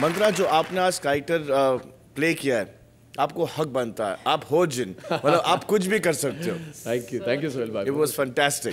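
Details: Adult men, conversational speech with light laughter; normal fluent speech.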